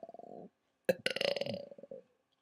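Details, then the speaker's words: Male friends deliberately burping for the camera: a short gurgling burp, then a longer rumbling belch. "well as you can see me and my mate here are gonna burp for you you just gotta wait there might be like some quiet gaps or something because like we need to prepare ourselves and stuff so um here's sam"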